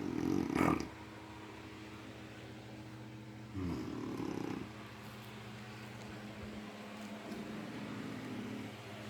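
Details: Two rough, rattling snores about three seconds apart over faint room hum from a sleeping grandmother; snoring.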